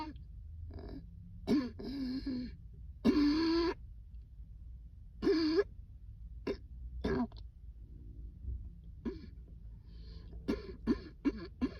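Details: An adult has a coughing fit set off by cold air: a run of harsh, repeated coughs and throat clearing.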